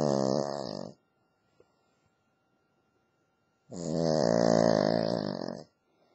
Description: My cavalier king charles spaniel, Lacey, snoring! This is what she thinks about bringing in the new year!